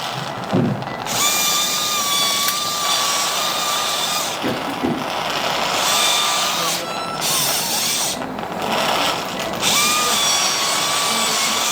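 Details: Diamond drill in real midline biportal endoscopic (UBE) decompression of two-level lumbar canal stenosis, patient with claudication at about 200 m: steady high-pitched whine in stretches with brief pauses over operating-room noise, drilling the base of the spinous processes.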